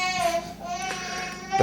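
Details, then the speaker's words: Twin baby girls crying at night during their first night of sleep training, left to cry until they fall back asleep: high-pitched, sustained infant wail muffled in a small room, faint music behind. "it's beneficial for everyone if you hear the baby crying right now but you pretty much do is you let the baby cry or I guess babies in our case you bet let the babies cry until they fall back asleep"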